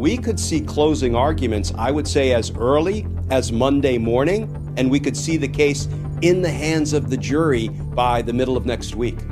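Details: Adult male speaker; normal speech.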